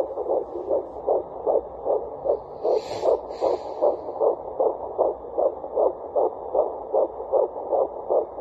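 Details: Fetal Doppler at 12 weeks 6 days of pregnancy: fast, regular whooshing fetal heartbeat at about 150–155 beats a minute, a normal rate.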